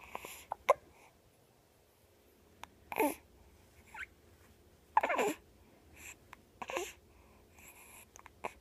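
Short, abrupt catching sounds recur every second or two amid soft infant noises and breathing, fitting hiccups.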